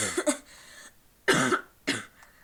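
Two short, harsh coughs, then the voice starts to resume speaking; a lingering cough after a viral illness.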